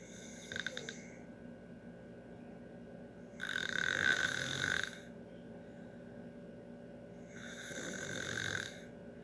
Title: Snoring so loud